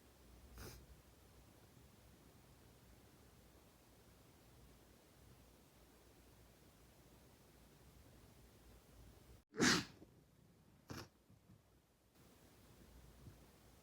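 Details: One loud sneeze with a softer follow-up burst and a faint earlier one in a quiet room; sneezing.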